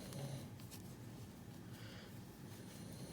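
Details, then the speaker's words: Dog sleeping beside a person who is crocheting: soft, rhythmic low rumbling breaths with faint room noise; ordinary snoring. "you hear my dog snoring right next to me?"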